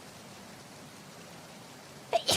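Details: Sudden sharp burst after quiet room noise, then a second burst; sneezing from a VTuber character.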